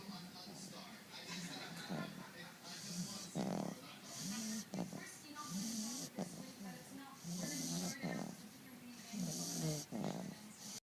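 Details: A sleeping animal snoring: repeated rough, vibrating snores with hissy breath noise between them, about one every two seconds.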